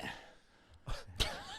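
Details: Two short, abrupt gulping bursts of cut-off breath in a quiet room from a woman, joked to sound like air escaping: hiccups.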